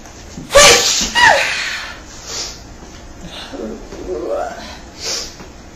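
Two loud, explosive sneezes close together, then softer breathy, voiced sounds as the person recovers. Sneezing.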